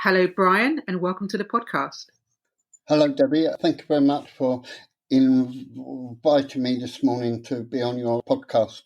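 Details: Adult man with stuttering since about age seven, beginning after childhood trauma; he later attended a three-day adult therapy course.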